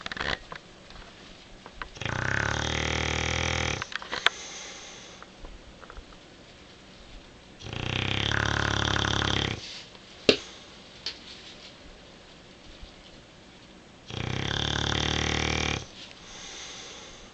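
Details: Sleeping male Bulldog snoring: three loud, harsh snores about six seconds apart, roughly ten breaths a minute, with quiet snuffling between.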